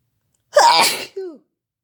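One loud, forceful sneeze with a sharp noisy burst and a brief voiced tail afterward.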